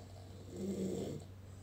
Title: Please Enjoy the Evolution of my Husband’s Snores